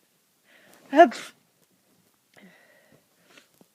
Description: I woke up quite sneezy and recorded a few. Hope it's not a cold!